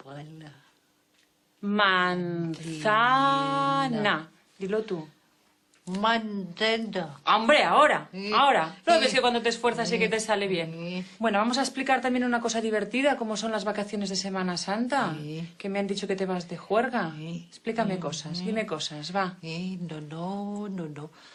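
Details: Adult speaker, Spanish; ordinary speech.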